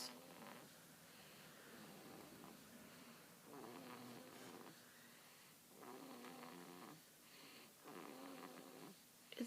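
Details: Baby girl snoring while asleep: soft, faint snores on several breaths in a quiet room, roughly every one to two seconds.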